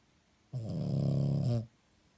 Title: Snoring French Bulldog